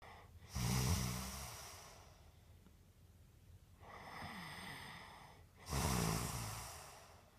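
Repeated rough breaths in sleep, two louder snorting snores with a softer one between, about five seconds apart. Noisy breathing and snoring.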